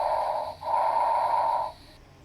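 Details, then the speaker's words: One breath of moderate intensity and medium pitch, heard between the scapulae and beside the sternum at the first–second intercostal spaces; normal bronchovesicular breath sounds. "El murmullo broncovesicular es un sonido de intensidad moderada, tono medio, se localiza entre las escápulas y por fuera del esternón entre el primer y segundo espacio intercostal."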